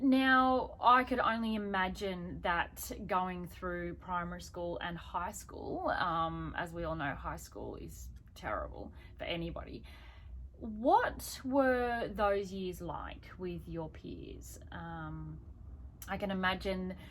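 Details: Adult speaker; typical speech.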